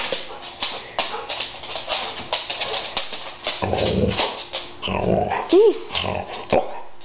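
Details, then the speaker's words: Dog gives several short, sharp sneezes with a brief whine among them, performed on command as a trained trick: sneezing. "this is my dog Seymour hi Seymour good boy I can make him sneeze on command watch we get the leash sneeze sneeze sneeze seeyour sneeze"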